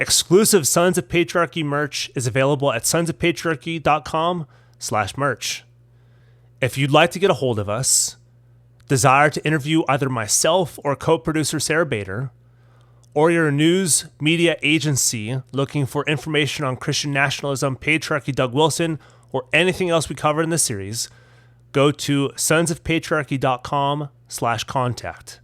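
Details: Adult male speaker; ordinary speech.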